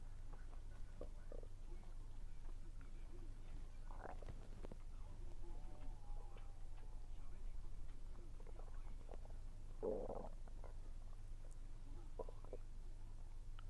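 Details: Stomach rumbling (borborygmi) while eating, attributed to low air pressure; faint gurgles and rumbles under steady low room hum, with some soft chewing noises.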